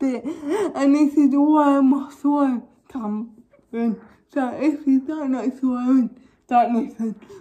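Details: Young woman with cerebral palsy causing involuntary movements, recently fitted with braces on top and bottom teeth; dysarthric speech in cerebral palsy.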